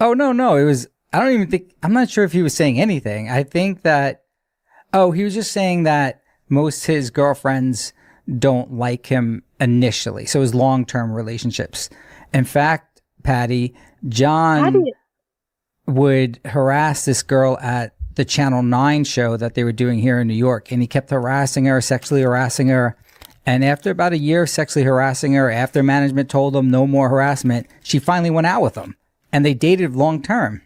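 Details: Adult man speaking; normal conversational speech.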